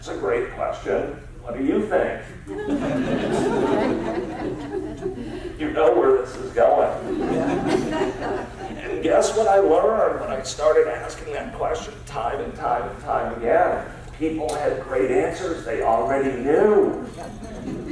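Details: Adult male CEO diagnosed with spasmodic dysphonia, a rare neurological disorder affecting only speech with no known cause or cure; treated with periodic Botox injections; voice not consistent or comfortable, resetting each morning; spasmodic dysphonia.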